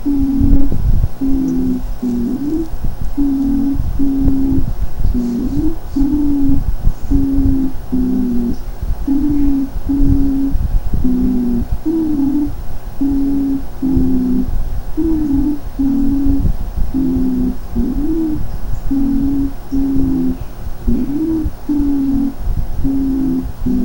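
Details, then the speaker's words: Stridor in a child breathing at normal tidal volume, before any deep inspiration: harsh, musical, high-pitched sound heard on both inspiration and expiration. "ya se puede percibir tanto a la inspiración como la espiración ese ruido áspero llamado este herido"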